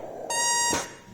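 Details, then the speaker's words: Ventipac flow-set ventilator (adult, child, infant over 10 kg) giving a loud high-pitched high-pressure alarm once the pressure limit is dropped from 40 to 30, below the reached pressure. "So this patient is alarming that we are reaching the high pressure. You see, when we are at 40, it doesn't beep."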